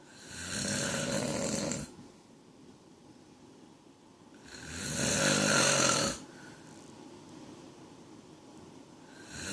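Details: Adult man snoring: two long, rough, noisy breaths about four seconds apart with quiet pauses between and a third starting at the end, roughly 14 breaths a minute.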